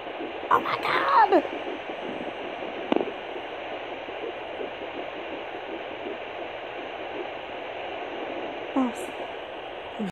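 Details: Fetal Doppler at 8 weeks 2 days of pregnancy: steady hissing Doppler noise with a fast, faint pulsing early fetal heartbeat, found after searching, and a brief excited voice.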